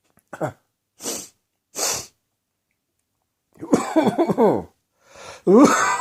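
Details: Adult choking and coughing after spicy Indian takeaway curry, eaten after an evening of beer, irritated the back of the throat: a few sharp, harsh coughs, then strained, voiced gagging and choking sounds.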